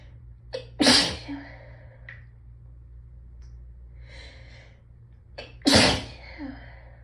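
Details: Hay fever sneezing in someone who had felt it building all day, nose raw from rubbing: two loud sneezes, each after short catching in-breaths, with sniffing between them.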